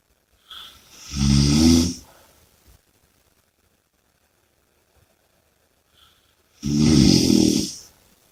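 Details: Snoring with two loud, rattling snores on the in-breath about five seconds apart and quiet between them.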